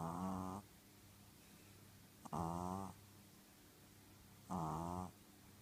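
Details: Pet pug snoring while asleep.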